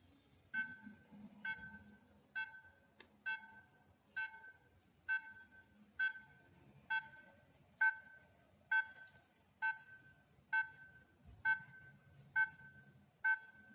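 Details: Regular short electronic beeps about 66 per minute from a dental soft tissue laser running in pulsed mode during a live periodontics demonstration, faint room noise.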